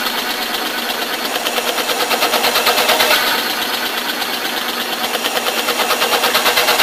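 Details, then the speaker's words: VDR4 high-frequency percussive ventilator on ex vivo recruited pig lungs, oscillating on both inspiration and expiration at an oscillatory I:E of 1:1: rapid regular hissing pulses about three per second, without the convective pressure rise; high-frequency percussive ventilator. "now I'm going to add in convective pressure rise so you can see the recruitment of the lung there"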